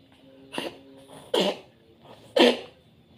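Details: Three short, harsh cough bursts about a second apart from an orange cat; owner suspects the cold, rainy weather is the cause; cat coughing.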